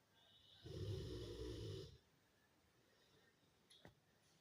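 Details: A sleeping dog (female) snoring at lunchtime: a single loud, rumbling, rattling snore on an in-breath, followed by quiet breathing and a faint click.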